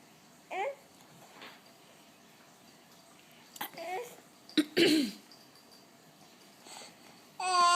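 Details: A young child makes a few short, deliberate fake coughs mixed with babbling in a quiet room; voluntary (fake) cough.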